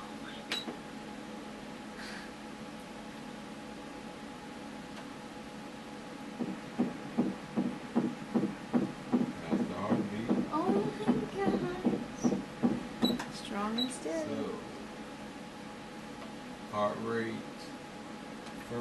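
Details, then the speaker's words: Rapid, regular whooshing fetal heartbeat at 154 beats a minute on ultrasound at 16 weeks 4 days of pregnancy, within the stated normal range of 120 to 160; the baby is moving and kicking. "one, go to the third, so 154. 120 to 160 is normal range. Perfect."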